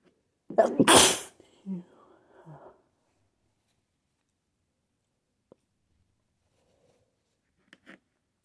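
A single loud sneeze, followed by a couple of soft breaths and faint small sounds, then quiet. An ordinary induced sneeze.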